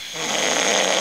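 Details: A loud, harsh, rasping inspiratory snore from an adult man, a lorry driver with sleep apnoea, with pauses in breathing between snores; he later undergoes CPAP treatment. Snoring.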